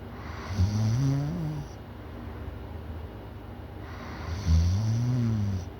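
Two long, deep, rattling snores on breathing in, each about a second and a half, over steady background hiss.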